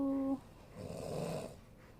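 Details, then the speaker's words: Father snoring in a quiet room, heard briefly in the background: a single rough, rasping snore while his 2-month-old baby, who has a cough and cold, practises lying on the tummy. "Papah aku lagi ngorok itu pasti papa Aku ngorok basti Iya Papa aku lagi ngorok maafin ya Bastian"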